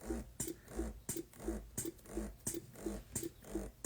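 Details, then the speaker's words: Ardo Alyssa electric breast pump in stimulation (let-down) mode, with rhythmic suction cycles, hum and click. Stimulation mode is adjustable from 72 to 107 cycles per minute. "This is as hard as it will go. As hard and fast as it will go for stimulation mode."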